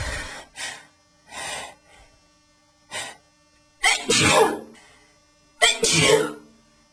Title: eyebrows tweeze sneezing attack